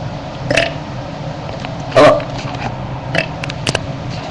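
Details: 13-year-old burping on camera: a loud, croaking belch over steady background noise, with a few smaller sounds around it.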